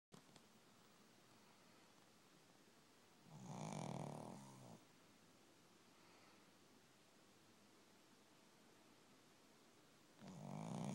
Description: Wake up sleepy head.. Snoring loud as heck..